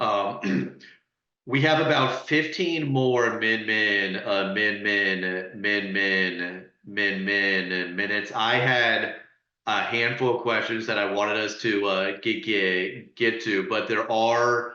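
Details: Adult man who stutters and is open about his stuttering, speaking as a panelist in a webinar on stuttering; stuttering.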